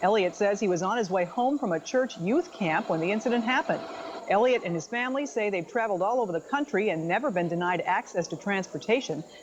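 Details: Adult news reporter; Normal speech.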